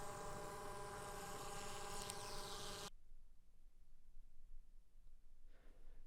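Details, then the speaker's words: Zoll Zenix hospital defibrillator/monitor thermal printer: steady mechanical buzz printing the current on-screen waveform strip, started with the print key and stopped abruptly after about three seconds by pressing it again. "The print key starts a printout of the current waveform data on the screen. Press the key once to start printing and press a second time to stop it."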